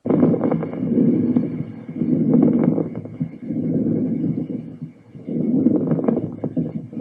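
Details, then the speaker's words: Lung auscultation teaching example of moist rales: many fine, brief crackling pops throughout breathing, likened to rubbing a lock of hair near the ear or opening a wet sponge: crackles. "dentro de los estertores corrales húmedos tenemos crepitan cias que son comparables a frotar un mechón de cabello frente al oído oa la apertura de una esponja húmeda dicen aquí vamos a escuchar"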